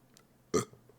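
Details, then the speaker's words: Single short, loud, throaty belch in a quiet room; person says they can't stop burping today; burping. "sorry I can't stop burping today yeah how you been oh that's good [Laughter] oh Jesus they're just flying out of me like little burpees"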